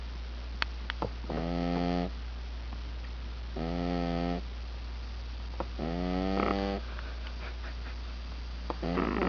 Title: One eyed snoring kitty